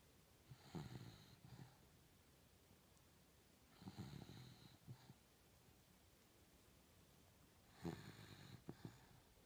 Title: Insomnia cured by a Beagle's snore